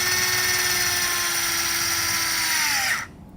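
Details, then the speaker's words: Steady high motor whine that drops in pitch then stops; a powered intraosseous drill driving a needle into bone with light downward pressure until a pop, demonstrated as a pediatric IO insertion. "so push through the skin now we're touching bone and we're going to engage the drill and with just a little bit of pressure and"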